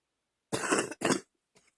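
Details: Two harsh, chesty coughs with a loose, rattling quality, then a faint breath; wet productive cough.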